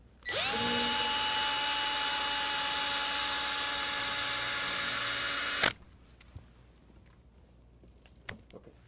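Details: Saw-bone workshop demonstration of Ilizarov/TrueLock frame application for uniplanar deformity correction. A power drill whines steadily for about five seconds, inserting the distal olive wire from the fibula toward the anteromedial surface of the tibia.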